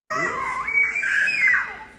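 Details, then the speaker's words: 8-month-old baby in a restaurant: loud, high-pitched sustained scream, a wordless shrieking vocalization; infant screaming. "So this gentleman here is telling me to tell my 8-month-old to stop screaming."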